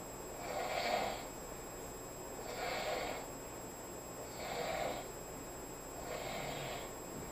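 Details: Roommate asleep on the couch snoring: four rough, rattling snores on breathing in, about 31 a minute, with quiet gaps; ordinary snoring.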